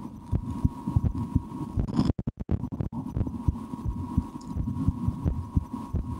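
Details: Adult's own heartbeat through a stethoscope for ASMR, recorded after lunch, sometimes holding breath to change the rate: steady, regular low thumps over a faint hum with a brief dropout: normal heart sounds.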